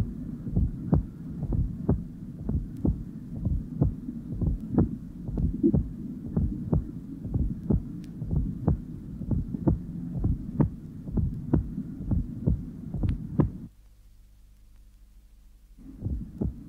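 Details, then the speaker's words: Atrial sound (fourth heart sound, atrial gallop) replayed, then the same patient after blood pressure was lowered, when the interval between atrial sound and first heart sound is shorter. "the recording of the atrial sound will now be replayed and immediately afterwards a recording of the same patient after his blood pressure had been lowered the interval between the atrial and first heart sound is then less"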